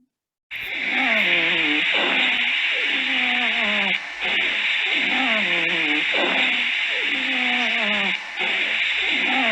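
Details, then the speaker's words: Expiratory wheeze in an asthmatic patient: repeated musical, falling-pitch whistles on each breath out over a steady hiss. "pero es más o menos para que puedan escuchar un poco de cómo es que se escucharía la sibilancia espiratorio en un paciente asmático"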